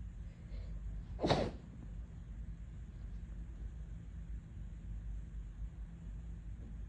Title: Sensitive nose today w. Muffled sneezes